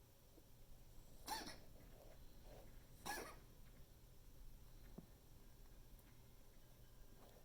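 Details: A female pet, species not stated, has another coughing fit, recorded by the owner to document it for the vet; coughing fit.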